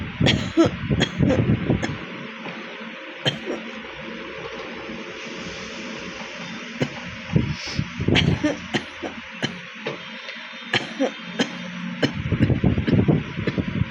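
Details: Frequent short, dry coughs in loose clusters over steady room noise, from a person with a real cough from a bad cold; cough with common cold.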